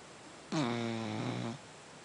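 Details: Sleeping cat snoring every night: one steady, buzzing snore lasting about a second in a quiet room, ordinary snoring.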